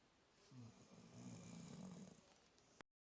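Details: Snoring: a single low, rumbling, fluttering breath sound in a quiet room.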